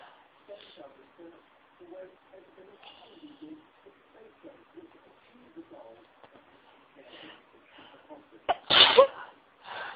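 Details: Induced sneeze: quiet breathy build-up followed by a sharp, loud sneeze near the end, then the start of another; ordinary sneezing.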